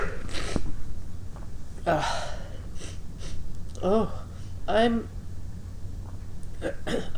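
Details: Sneezing deliberately induced by tickling the nose with basil plant silk, caught in a striped grey handkerchief: breathy wind-up, then two voiced sneezes over low room hum.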